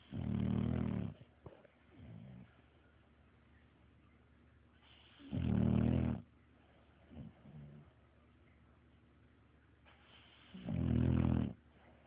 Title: Snoring Best Friend